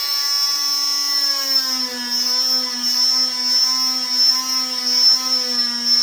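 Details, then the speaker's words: Oscillating cast saw bivalving a below-knee fiberglass cast for removal, cutting the second side while held with a stabilizing hand; steady high-pitched whine, normal device sound. "You just want something else besides this one hand when you're cutting that, okay? So now we're gonna cut the other side."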